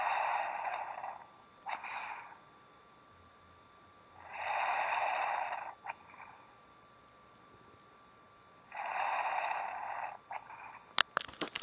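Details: Heard on waking up: another person snoring loudly, with harsh rattling snores about every four to five seconds (near 13 a minute) and quiet pauses between, over faint room hum.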